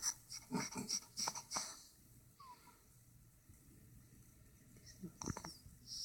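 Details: A dog snoring in a quiet room: quick runs of raspy, faintly whistling snorts, a few quiet seconds, then another noisy snort; snoring.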